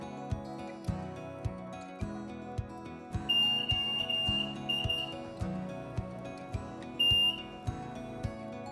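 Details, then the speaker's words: CoroVent ventilator for adult patients, alarm test run before use: bursts of high-pitched alarm beeping over background music as its visual and sound alarm systems are checked from the standby screen. "before using the ventilator it is necessary to check the visual and sound alarm systems we can start the test by choosing run alarm test on the standby screen"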